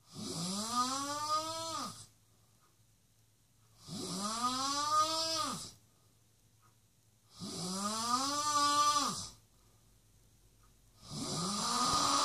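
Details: Guest snoring: loud, tonal, rising snores on each breath in, about 16 a minute, with quiet pauses between; heavy snoring.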